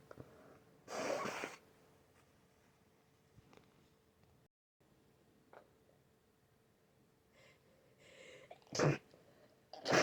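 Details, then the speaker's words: Forceful sneeze, quiet sniffing and breaths, then a sharp second sneeze from a sick person with a very itchy, runny, snotty nose and ears needing to pop; repeated sneezing. "My nose is so itchy. So itchy right now. I'm gonna sneeze again. Damn it."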